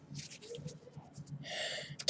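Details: A child's soft voice, telling a story during a kids' home video, breaks off into a short hissing sneeze-like burst of air, part of a sneezing fit.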